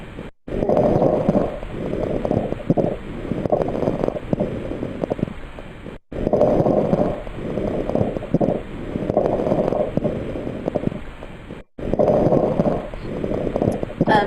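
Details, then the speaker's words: A lecture example of crackles, heard as noisy breathing with fine popping and rustling; the sound is typical of fluid in the lungs. "Crackles is what you would normally hear if somebody has fluid in their lungs. And it kind of sounds like a popping noise, and that's some of that fluid, you know, kind of making that noise."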